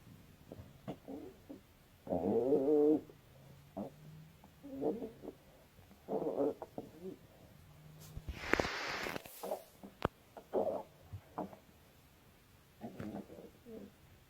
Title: Russian Girl’s Stomach Growling